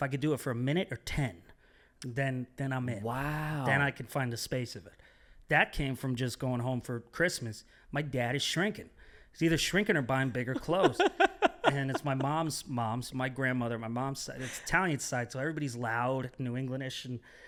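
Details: Adult man speaking; normal speech.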